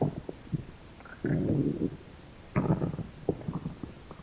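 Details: Hungry American girl's stomach growling: low gurgling rumbles in bursts with quieter gaps, ordinary hunger borborygmi.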